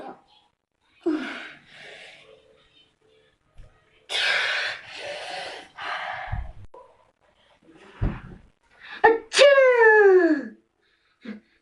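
A series of varied sneezes, some with a sharp inward gasp first and one ending in a falling voiced call; repeated sneezing.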